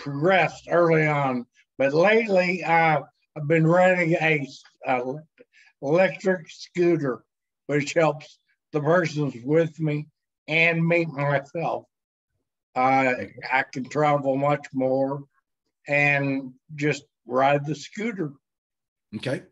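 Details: Dysarthria in a man with multiple system atrophy, cerebellar type, diagnosed in 2017; progression over the past year mainly in his speech.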